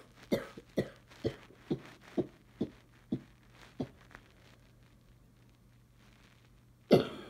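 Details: Cough in a person with severe allergies and sneezing, who wonders whether it is allergic: rapid run of about eight short, fairly dry coughs, a pause, then one louder cough.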